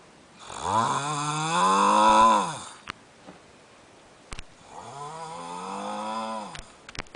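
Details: Two loud, long, droning snores on the in-breath with rising and falling pitch, separated by a quiet pause: heavy snoring in an adult man during sleep.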